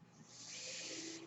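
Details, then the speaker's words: Mechanical ventilator of a podcast host, a steady rising airy hiss lasting about a second as it delivers a breath. "my name is brynan bard that noise you hear he's my ventilator and thank you for tuning in"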